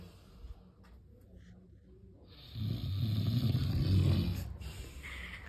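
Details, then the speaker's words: Father asleep at night, snoring loudly: quiet room, then a loud, low, rattling snore on a long inward breath that fades away; adult snoring. "বাবা তো জোরে জোরে নাক ডাকে।"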